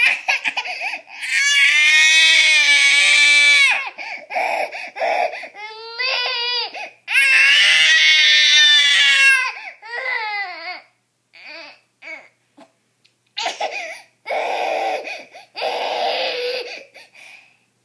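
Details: Long, strong wailing cries with gasping breaths and softer whimpers between them from a young child in a small room; infant crying.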